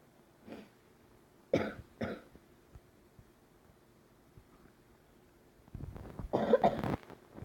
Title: Продолжение 2 серии! Извините пажалуйста за кашель!!!!